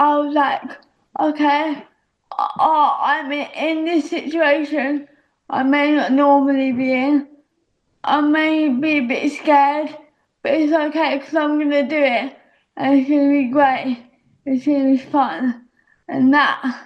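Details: Actress with a self-reported audible speech impediment that makes her feel a bit stuck in her own body; speech impediment.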